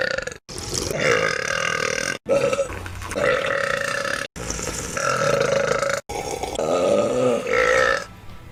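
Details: Compilation of deliberate burping: several long, loud, drawn-out burps in a row, separated by brief cuts, with laughter around them.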